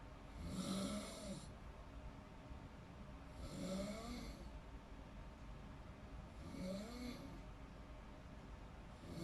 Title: Snoring sounds while in deep sleeping (relate ka ba panuorin at pakinggan mo)